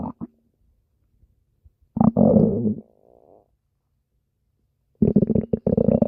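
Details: Stomach growling (borborygmi), made as a request for the character Spinel: bursts of gurgling, rumbling abdominal noise separated by silence.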